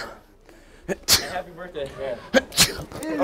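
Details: Simulated sneezes in a public prank: fake sneezing using a spray bottle of water, two sharp explosive sneezes each with a quick intake of breath before, over background talk and room noise.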